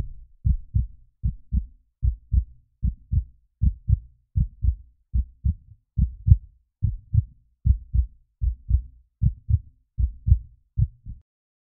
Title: Beating Heart